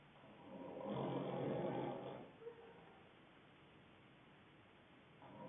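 A single long, rough, rattling breath noise that rises and fades over about two seconds, then quiet; a snore.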